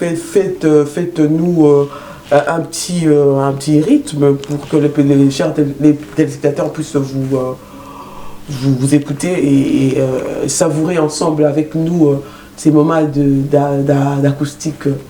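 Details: Stuttering in a male host who says he stutters.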